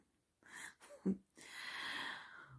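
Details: A female, described as tired after being pestered all day, snores while sleeping.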